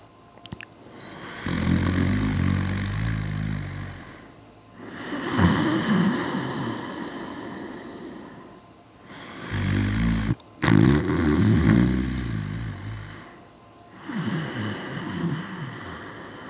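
Loud, rough, rattling breath sounds that rise and fall in slow cycles about every four to five seconds; snoring.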